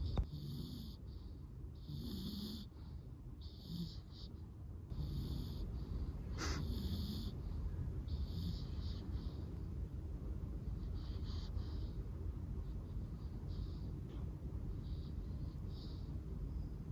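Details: Sleeping Staffordshire bull terrier puppy snoring: soft, repeated snuffling snores over a steady low background hum.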